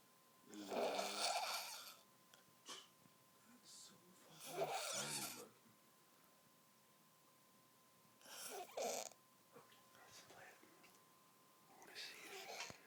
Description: The most hideous snoring you ever heard!